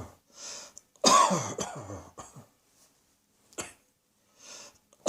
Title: Cross Dressing Coughing 88